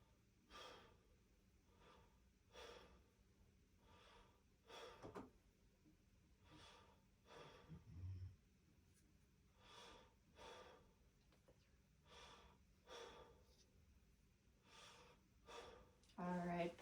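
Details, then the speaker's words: Normal breath sounds in a male patient during a head-to-toe exam: steady, soft breaths in and out with no adventitious sounds, clear lungs, and equal chest rise. "so long sounds were clear. No advantageous long sounds."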